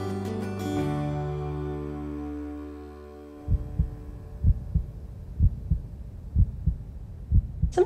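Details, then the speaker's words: Strong, regular lub-dub beats at about 63 a minute as music fades; the forceful heartbeat of a man with a transplanted heart from a 22-year-old donor, described as a really strong beat. "I could hear it sitting next to him on the couch and I said is this normal is always so loud I said that's just the way it is they told me it's a really really strong beat"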